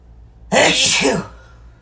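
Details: One loud, forceful sneeze after failed attempts to stifle, voiced hissing burst after a quiet lead-in; an ordinary sneeze.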